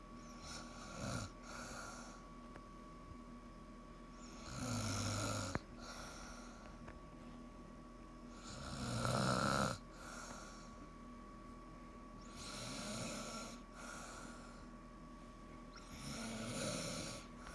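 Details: Snoring in a sleeping adult woman: loud, rough, rattling snores with each breath in, about 15 a minute, with quiet pauses between.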